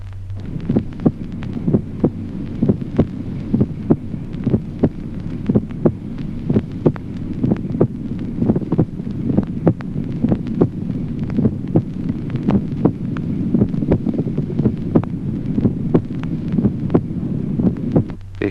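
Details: Split first heart sound.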